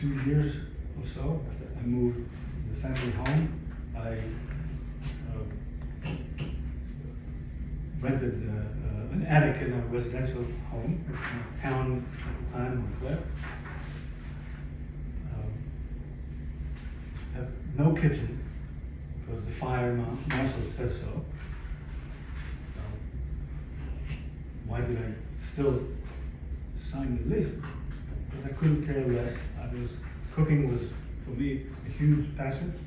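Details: Aphasia in a 62-year-old man, acquired after a stroke following a cardiac ablation in December 2011; affects language, speech and understanding; previously fluent in several languages.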